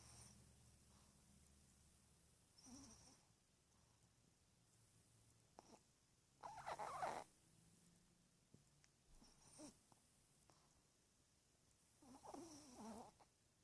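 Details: 13-year-old Chihuahua snoring: soft, irregular snuffling snores roughly every few seconds against a quiet room hum.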